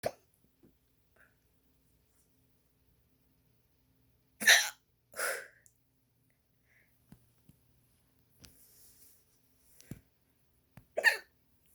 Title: Pinkie hiccups #2